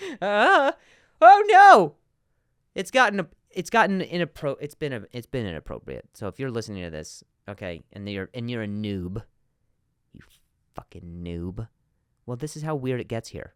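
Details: Adult man who stutters, spontaneous podcast speech: stuttering.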